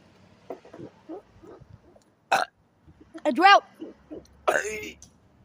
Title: me and you burping competition